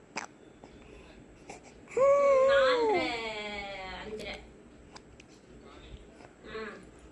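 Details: Infant during a bout of hiccups: a brief wavering cry lasting about a second, then softer fussing sounds, with faint room noise.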